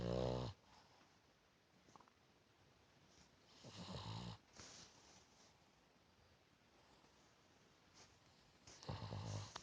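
Three rough, breathy snores from a sleeping dog, spaced several seconds apart, in a quiet room: snoring.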